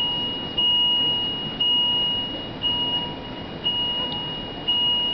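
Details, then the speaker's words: Digital thermometer taking a boy's axillary temperature, probe in the middle of the armpit, reading 36.6 °C: steady high tone with short beep pulses about once a second, room noise behind; signals a completed reading. "Wait till it beeps. Just put that probe in an armpit, right in the middle, and close his"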